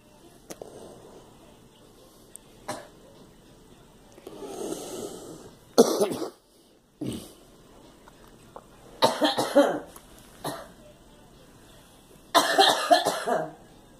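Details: Girl coughing: several irregular coughs, some in short clusters of two or three, with throat clearing between and quiet room noise.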